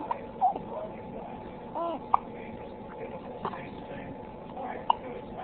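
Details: A person who looks pouty has the hiccups.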